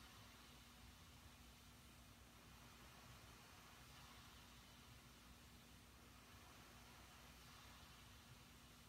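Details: CPAP machine running during sleep: steady, even airflow hiss with a constant low hum; no snoring or breathing noise stands out.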